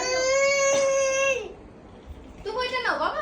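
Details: Toddler twin crying in a fight with his brother over a toy car: loud tonal wail, brief pause, then a second rising, breaking cry; an ordinary upset cry.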